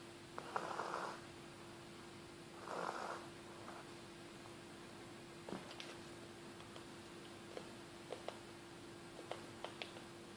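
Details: Chick snoring: two soft raspy snoring breaths followed by quiet clicks and snuffles over a steady background hum.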